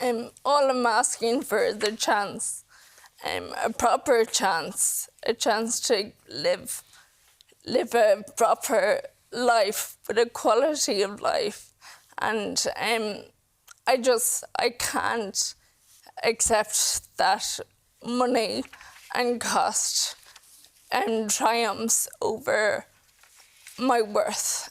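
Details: 28-year-old woman with Friedreich's ataxia, a progressive inherited neurological condition, whose speech is continuing to worsen; ataxic dysarthria.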